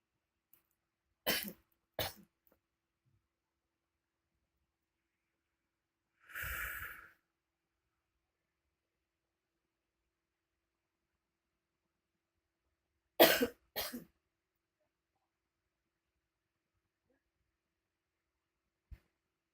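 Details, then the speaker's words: Two pairs of short, dry coughs separated by a breathy exhalation from an ill adult sitting up on a chair with a sore throat; suspected throat inflammation. "kedua ya ini sih kebetulan batuknya ini takutnya itu sih radang ya."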